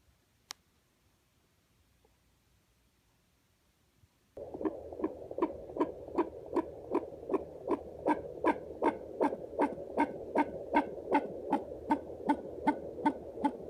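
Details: Fetal heartbeat at 35 weeks of pregnancy: fast, regular whooshing beats at roughly 150 per minute over a low doppler hum.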